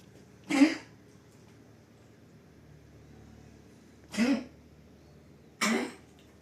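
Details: Pug with kennel cough, who vomited in the first days and has since recovered: three short, dry, honking coughs spaced a few seconds apart.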